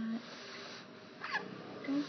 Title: squeak or hiccup